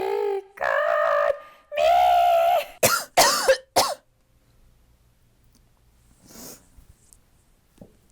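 Loud, strained, drawn-out singing breaks into a short run of about four harsh, voiced coughs, then quiet.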